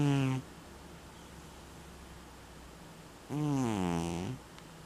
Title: Sushi snoring